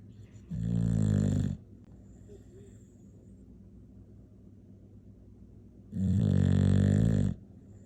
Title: what english bulldog snoring sounds like